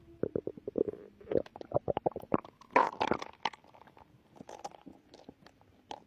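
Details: Bowel sounds (borborygmi) from a pregnant woman's abdomen, recorded while stomach growling before contractions began.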